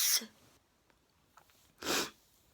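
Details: Sneezing just before bed, recorded in a utility room. Two sharp, explosive sneezes about two seconds apart with quiet between, without a runny nose.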